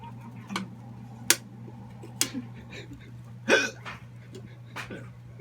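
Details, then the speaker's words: Sharp, brief gulping hiccups about every second or so, irregular, over a steady low room hum, while the person tries a timed remedy; hiccups. "What are you doing? Trying to get rid of the trying to get rid of the hiccups?"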